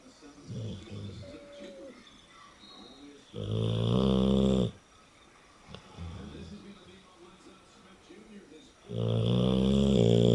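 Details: Snoring: loud, deep, vibrating snores about every 5 to 6 seconds, with softer snuffling breaths between them.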